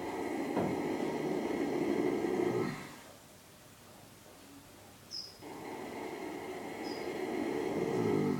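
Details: Harry the horse, who snores daily, snoring unusually loudly: rough, rumbling snoring with a quiet pause in the middle before the noisy breathing resumes.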